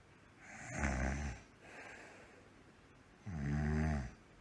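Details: Simulated cartoon snoring: two loud, rough, low snoring breaths with a quieter breath between, imitated by a character (Endless Number 70) made to snore like Numberblock 99 on the Waterloo & City line.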